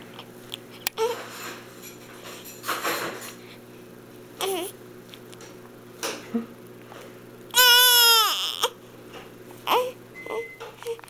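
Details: 3-day-old newborn fussing with soft grunts and whimpers, then one brief high-pitched cry in a quiet room: ordinary infant crying.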